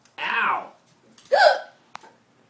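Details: Two abrupt voiced gulping sounds, each caught sharply, with a faint click after, from a Chihuahua (two Chihuahuas appear); hiccups.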